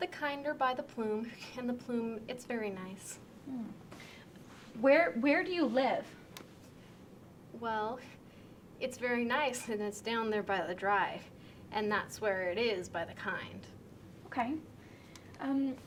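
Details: Simulated demonstration of severe transcortical sensory aphasia during a picture description task, with impaired comprehension, relatively intact repetition and possible unawareness of difficulties; transcortical sensory aphasia.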